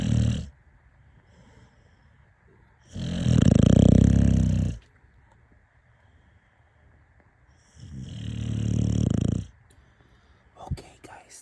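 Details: Sleeping person snoring: loud, rough, low-pitched fluttering snores with each breath in, about 13 to 14 breaths a minute.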